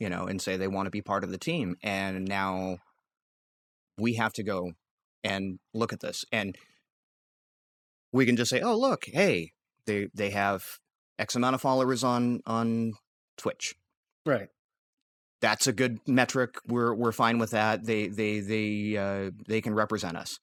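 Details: Adult male podcast co-host with a recurring stammer he acknowledges himself, speaking during a disfluent stretch; stuttering.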